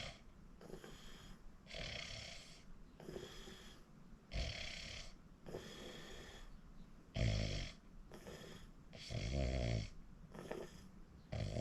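Repeated harsh, rattling snores with each breath, about 27 noisy breath sounds a minute, some louder and rougher than others.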